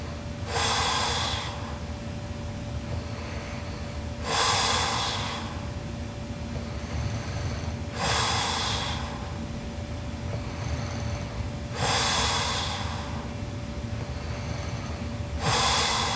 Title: Sleeping Japanese Girl Super Loud Snoring Part 1